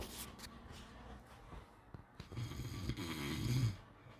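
Rough, low rattling noise on a breath during sleep, with a snort-like onset; snoring.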